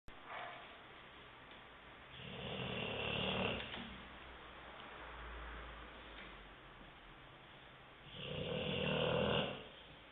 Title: BULLDOG SNORING :p